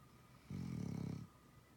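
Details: One low, rumbling, fluttering snore lasting under a second from a sleeper named as a habitual snorer, likely a sleeping dog; snoring.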